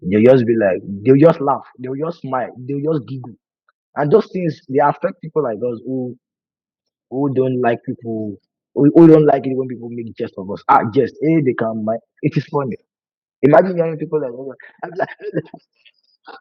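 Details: Adult man who has stammered for over 20 years, worse with nervousness and fear, with a family history (brother and sister also stammer); words break when he speaks; stuttering.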